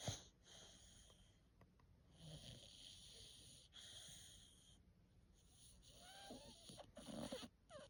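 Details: Soft, raspy snorting breaths with a faint whistle from a sleeping 4-month-old female brindle Bullmastiff puppy, with a steady high background tone; snoring.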